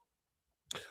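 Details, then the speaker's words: A single short, harsh throat clear after near silence, by an adult who says they have phlegm in the throat and is drinking hot tea. "I got phlegm in my throat. I'm over here, Miss Niecy. I got my cup of hot tea right here."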